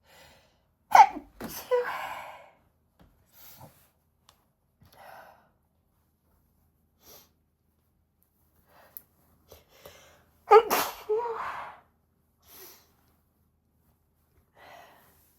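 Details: Requested female sneezes into a handkerchief: two sharp sneezes with short gasping inhalations before them, slightly muffled, in a quiet room; possible stomach rumbles in the recording.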